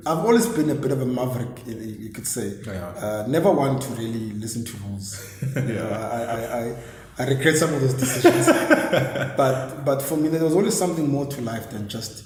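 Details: Adult male who has stammered since a very young age, a condition he says was regarded as a disability; stuttering (stammering).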